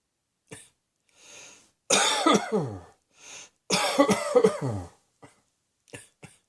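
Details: Two loud, harsh coughing fits, each of several rapid coughs, with short breaths in and smaller coughs around them; repeated coughing.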